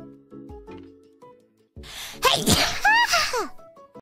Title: Raccoon Sneeze™